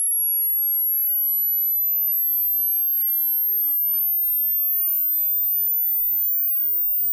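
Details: Online hearing frequency sweep from 20 Hz to 20,000 Hz for tinnitus pitch matching, played over headphones: a faint, very high-pitched pure tone gliding slowly upward near the top of hearing.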